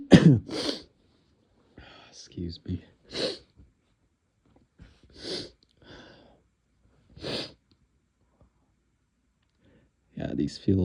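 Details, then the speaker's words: A run of several short, forceful, stifled sneezes with sniffing between them, from a man who says his sneezes feel very tickly. "Oh my god. [snorts] [cough] [clears throat] These sneezes are just so tickly right now."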